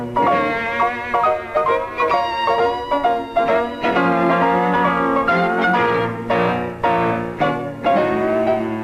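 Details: Unaltered music as heard with normal hearing (reference for hearing loss simulation).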